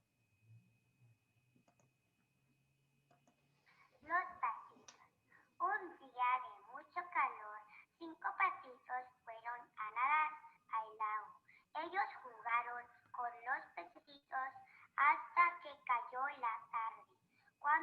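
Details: Girl with velopharyngeal insufficiency reading a passage after speech therapy plus a custom-made pharyngeal flap; improved resonance, with hypernasality and nasal emission decreased and articulation considerably improved.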